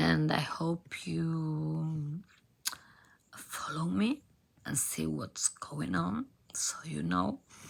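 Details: Adult female professional singer with abductor spasmodic dysphonia, a rare type in which spasms of the vocal cord muscles open the cords; diagnosed by nasal endoscopy; onset 2015; treated with Botox injections.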